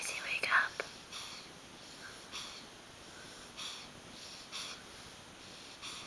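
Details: Soft, hissy, regular breath noises at about 50 a minute, with a few faint clicks at the start: light snoring from a sleeping puppy about 9 weeks old; owner jokes she may be faking it.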